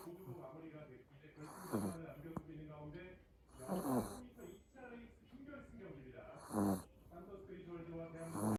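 Repeated noisy breaths with snorting and whistling tones at about 20 a minute, typical of a puppy snoring in sleep.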